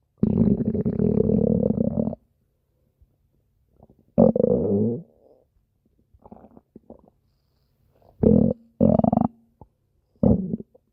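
Loud gurgling and rumbling bursts of varying length with quiet gaps: stomach growling from gas and fluid moving through the gut.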